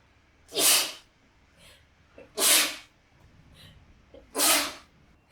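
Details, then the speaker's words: Acted sneezing during a staged eye-area relaxation treatment: three forceful, spraying sneezes in quick succession, each preceded by a brief catching inhale. "すいません。くしゃみいっぱい顔にかかっちゃいましたよね。ごめんなさい。"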